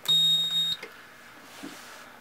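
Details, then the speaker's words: A loud steady electronic beep lasting under a second, then a quiet device hum: the power-on tone of an Allied AHP 300 portable transport ventilator being switched on during basic setup. "we're going to turn it"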